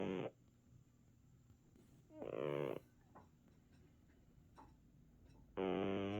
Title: Snoring cat that loves his nap time! #shorts #cat